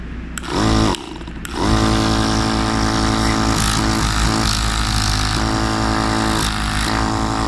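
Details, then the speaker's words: Small piston compressor of a home nebulizer running during home maintenance: loud steady motor drone with a buzzing hum, changing in tone a few times. "then in this way how this little compressor works then when we have here there he is working we turn it off and you look the movement it makes"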